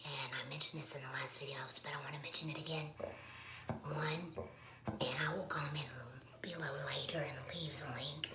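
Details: Woman who has had a laryngectomy, speaking with alaryngeal voice, voice method not stated; alaryngeal speech after laryngectomy.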